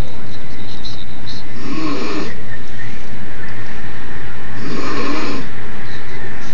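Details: Adult woman in a hospital bed, recorded by a fellow inpatient, snoring extremely loudly despite failed attempts to wake her: two harsh, rasping snores about three seconds apart over steady loud background noise; snoring.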